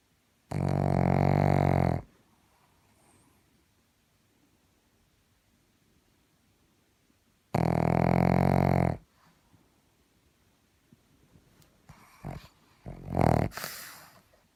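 Two loud, low, rattling breath-in snores about six seconds apart, followed by shorter snorts and breathing noise.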